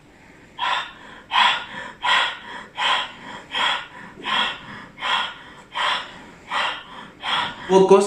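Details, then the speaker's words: Lung auscultation by stethoscope over the lateral (axillary) chest while the patient breathes deeply and quickly through the mouth, "as if tired": steady, quick, deep open-mouth breaths, normal. "también pedimos al paciente que respire con cansado"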